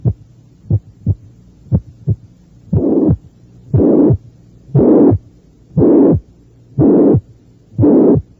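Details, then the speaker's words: Moderate mitral stenosis with moderate mitral regurgitation on a teaching tape: S1 and S2, about 59/min, loud high-pitched slightly harsh systolic murmur plus mid-diastolic and presystolic rumbles, added after a few beats. "estos hallazgos corresponden a los de estenosis mitral con insuficiencia ambas de grado moderado"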